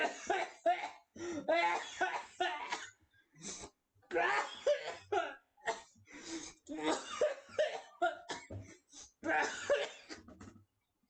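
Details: Coughing fit after voice strain during amateur voice acting; bursts of repeated harsh coughs with throat clearing, laugh-like sounds and brief breaths between bursts.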